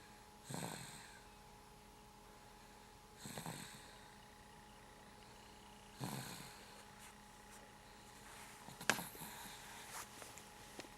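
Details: Snoring in a sleeping boy before being tickled awake: four rough, rattling snores at about 21 per minute, quiet breathing between, faint room hum.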